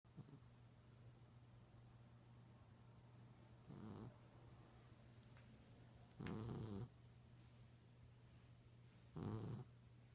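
Three soft, rattly snores a few seconds apart over a steady low hum; a sleeping cat's harmless snoring.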